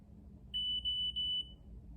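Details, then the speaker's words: iCare Home tonometer during a self-measurement troubleshooting demo: three long, high-pitched beeps in a row; an error signal that the device is held too far from the eye. "and then the other one is two beeps and that's if an eyelash gets in the way"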